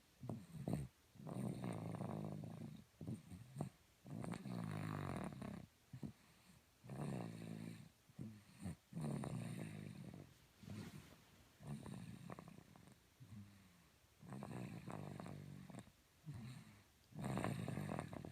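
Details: Snoring during sleep: repeated low, rattling snores with breaths at irregular intervals in a quiet room.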